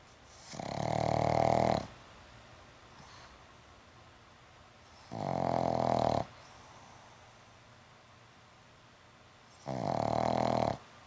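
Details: Pug sleeping after an afternoon at the dog park: three loud, rumbling snores about four seconds apart, roughly 13 breaths a minute, likened to a Harley Davidson. Heavy snoring.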